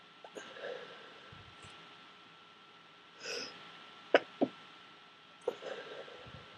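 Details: Stifled sneezing during a streaming cold with thick snot: several short, sharp, suppressed bursts through a closed mouth with soft breaths between; stifled sneezes.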